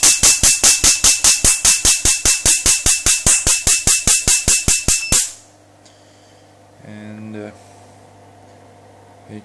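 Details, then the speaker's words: Q-switched YAG tattoo-removal laser fired at higher frequency in ready mode, head against paper removing blue ink: rapid, very regular sharp snapping pops about 2.5 per second, then stopping. "now i've got the head against the paper and i'll demonstrate it right now"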